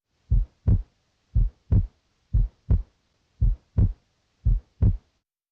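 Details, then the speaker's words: Adult male patient, stethoscope over the pulmonic area toward the end of deep inspiration: regular heart sounds at about 57 a minute with a normal physiological split S2. "in the pulmonic area you normally may hear a split S2 toward the end of inspiration Because deep inhalation prevents the aortic and pulmonic valves from closing at the same time a split S2 sounds like"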